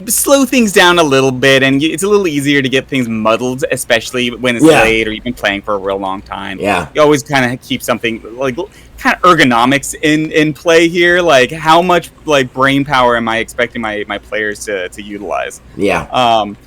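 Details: Adult male speaker; normal speech.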